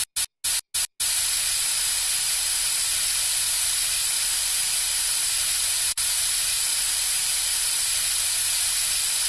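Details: Braces placement with a lip guard in place. Teeth are sprayed with water and then suctioned, giving a few brief bursts followed by a continuous loud airy hiss. Dental suction.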